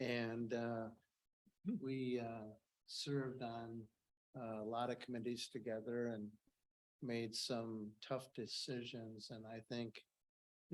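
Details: Adult male speaker; typical speech.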